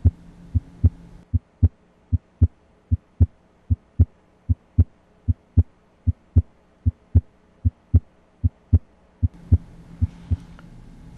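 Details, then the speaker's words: Regular, crisp two-part heartbeat at about 76 a minute, heard with the stethoscope diaphragm at the aortic area (right second intercostal space): normal first and second heart sounds. "s1 is laos at the apex and s2 is largest at the base of the heart"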